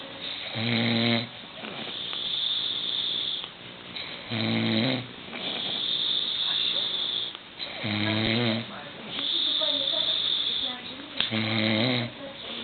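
Loud, regular rattling snores on each in-breath, about four in twelve seconds, with hissing out-breaths between them.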